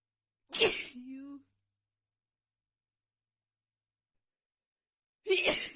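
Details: Female sneezing bout right after visiting a friend's home with cats: two forceful sneezes a few seconds apart, the first followed by a brief voiced sound.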